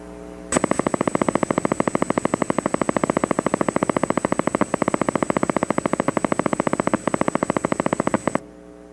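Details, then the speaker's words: Needle EMG teaching example: steady run of sharp, evenly spaced pops with a revving-up sound from a single motor unit firing at about 14–15 hertz: reduced recruitment. "right 12 14 15 15 Hertz count that out you can hear the revving up sound it's fire and faster that's a little easier when you have one unit at 14 15 Hertz that's reduced improvement it's easier to recognize"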